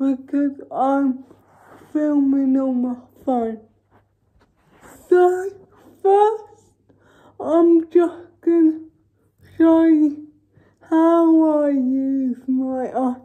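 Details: Dysarthric speech from cerebral palsy in a woman, recorded while she talks through her daily routine during quarantine.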